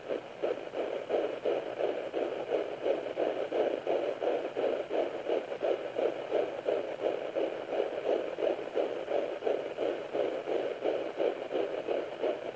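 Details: Fetal heartbeat on home Doppler at 9 weeks 4 days of pregnancy: rapid, regular galloping whooshes with swishing blood flow and probe-movement noise, measured about 160 to 165 beats a minute.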